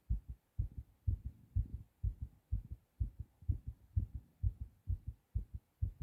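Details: Adult male's own heartbeat recorded while sick, after a hard cough: strong, regular low lub-dub thumps at about 125 per minute; fast heartbeat (tachycardia).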